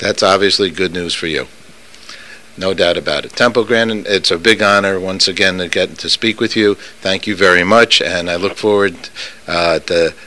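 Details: Adult interviewer, possibly with a brief reply from the guest; normal speech.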